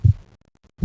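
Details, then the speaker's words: Pediatric heart murmur heard through a stethoscope: low heart thumps with a faint extra whooshing sound between them, beyond the normal lub-dub. "heart murmurs heart murmurs are abnormal sounds heard during the rhythmic heartbeat cycle"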